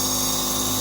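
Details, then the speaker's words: Steady, loud mechanical buzz and hiss of a Surgitech mini nebulizer compressor running, filled with plain water for a demonstration. "i just plug the compressor in and see how it works now it's really working"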